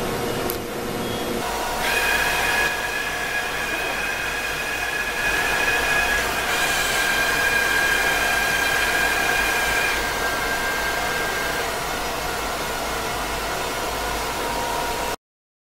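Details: Steady loud mechanical whirring with high whining tones as a radiotherapy machine rotates for an OBI kV cone beam CT scan during a daily isocenter test with a Winston-Lutz sphere phantom; cone beam CT acquisition noise.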